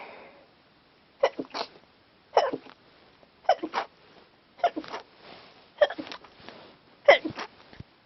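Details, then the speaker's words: Person with a cold who keeps sneezing while trying to talk: six sneezes in a row, about one per second, each a sharp intake then explosive release; repeated sneezing. "I've got a cold cold so I'm seing oh this God all the time this is crap Al it's hard to stop for it makes me sneeze more makes me sneeze more"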